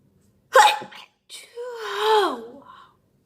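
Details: A single sharp sneeze, a short pause, then a drawn-out voiced exclamation; sneezing at a birthday.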